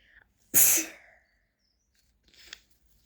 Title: allergy sneezing attack little sister